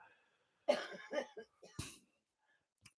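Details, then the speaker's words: Adult sick with a cold all week, with sniffles: short run of quick, harsh coughs and a throat clear in a quiet room. "as you can hear amy's got the coughs and the sniffles"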